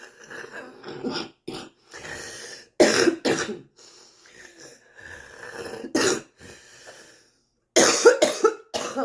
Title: bad smokers cough